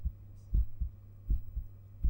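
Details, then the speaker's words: Person's own heart heard through a stethoscope whose earpieces feed a binaural 3Dio microphone (ASMR recording); low, soft regular thumps at about 80–90 per minute over a steady hum; normal heart sounds. "heartbeat sounds through a stethoscope the earpieces of the stethoscope are connected to the ears of this 3DO so you will be listening to my heart the way a doctor would"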